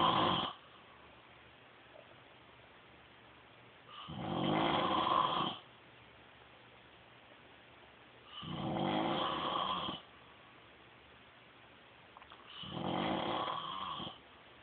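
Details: Husband snoring during sleep: four loud rasping snores on each breath in, about 14 breaths a minute, with quiet between them.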